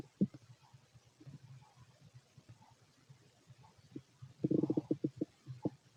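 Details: Fit adult male's stomach auscultated with a stethoscope: soft scattered gurgles building to a brief burst of bubbling clicks near the end; normal bowel sounds of stomach growling.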